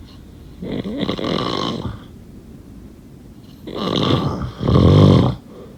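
Deep, rattling snores on breathing in, with a softer breath out between; ordinary loud snoring.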